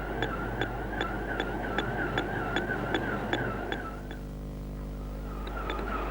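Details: Heart monitor from a 1975 educational film: a man running on a treadmill at 10 km/h gives fast regular clicks at about 150 a minute, a normal exercise rise, compared with a resting woman's slower heart.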